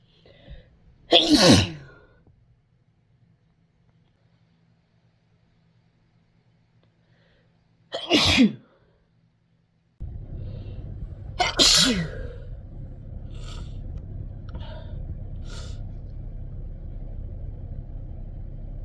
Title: Spring sneeze compilation